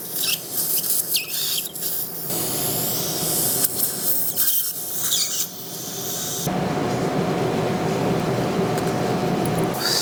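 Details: Guided dental implant surgery in a woman with a hopeless fractured tooth 4 and abscess: high-pitched implant drill whine with suction hiss and steady tone, after a flapless tissue punch through a surgical guide.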